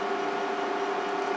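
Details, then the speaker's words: Steady mechanical hum with fixed tones: a German-made laser hair removal machine running after gel application and cooling setup, emitting light during a painless laser hair removal session. "उसके बाद हम इसको इस तरह से इस तरह से लेजर कर सकते हैं इसमें यह लाइट निकलती है"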